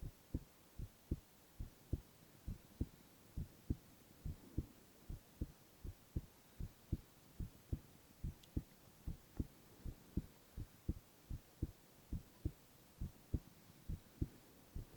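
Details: Silent ASMR recording of a male's continuous heart sounds: steady, regular, even lub-dub at about 70 beats a minute; normal heart sounds.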